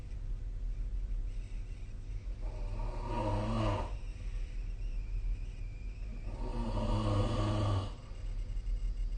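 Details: Two loud, rough, rattling snores about four seconds apart, each over a second long, over a steady low room hum during sleep: snoring.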